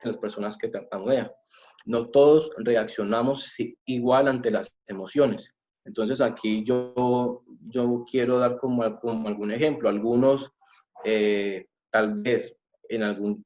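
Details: Adult male, self-described person who stutters, speaking Spanish; stuttering.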